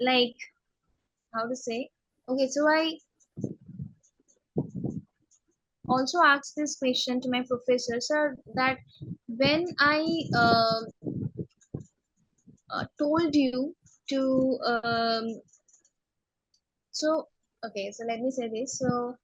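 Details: Stammering in an adult woman, onset at age six, speaking in a podcast interview.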